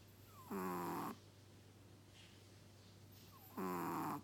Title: Chihuahua snoring